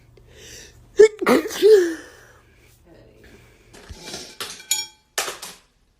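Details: Girl sneezing: a sudden loud sneeze with a voiced tail, followed by short breathy bursts and faint talk in a small room.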